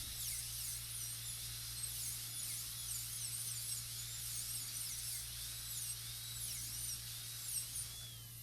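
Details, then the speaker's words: Steady high-pitched dental drill whine with pitch dips as the burr, pointed toward the tooth's centre, reduces the occlusal surface during a full gold crown preparation on tooth 30; dental drill. "It doesn't quite fit there yet, so we could reduce a little bit more. Notice I'm pointing the burr toward the center of the tooth."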